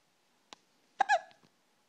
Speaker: Someone has the hiccups. Poor girl.